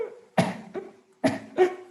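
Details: Four short, harsh cough bursts in two pairs, each with a brief voiced tail: an imitation of a child's characteristic cough, in a pediatric primary-care teaching talk on cough.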